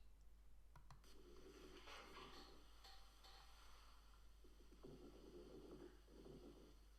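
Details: Teaching lung auscultation through a stethoscope on a patient wearing a finger pulse oximeter: breath sounds with scattered brief popping clicks during both breathing in and out, over a steady low hum: crackles.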